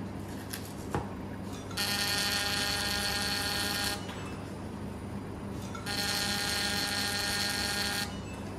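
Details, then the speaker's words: Fractional CO2 laser machine (10600 nm) for acne scar and vaginal treatment, fired by pressing the foot pedal after setup: two bursts of a loud, high-pitched electronic buzz, each about two seconds, over steady room hum. "Press the pedal to start working."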